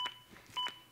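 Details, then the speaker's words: Two short electronic beeps about half a second apart from a ZOLL AED Plus adaptive CPR metronome, which monitors compressions and pushes the rate to at least 100 per minute, during a demonstration. "the beeps act as an Adaptive metronome that monitors my compressions and tries to speed them up to at least 100 per minute"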